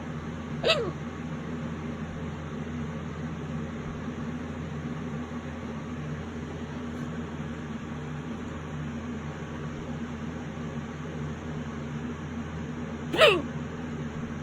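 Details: Late-night violent hiccups that have lasted half an hour: two sharp, abrupt hiccup sounds about 12 seconds apart over a steady room hum.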